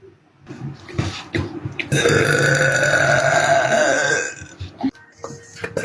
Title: Pretty girl burping #fyp #shorts #burp #prettygirl #girlburps